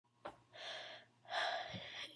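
Two sharp, breathy gasping inhalations, like the build-up before a sneeze.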